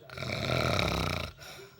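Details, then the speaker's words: A husband's super loud snoring, recorded in bed by his wife: one loud, rough, rattling breath lasting about a second, then quiet; a heavy snore. "welcome to my world folks if you have a husband that sores like this you seriously need some earplug"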